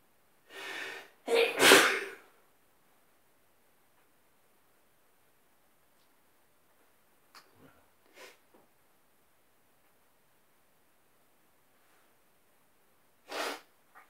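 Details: Sneezing in bed in the morning, described as a bit wet: two close sneezes, one with a sharp lead-in breath, then sniffs and a third sneeze in a quiet room.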